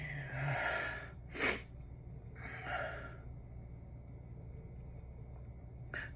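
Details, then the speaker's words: Induced sneezes while indoors after exposure to very dry, dusty air: breathy gasping in-breaths followed by two sharp sneeze bursts, with spray; ordinary sneezing. "I'm gonna sneeze. Ugh."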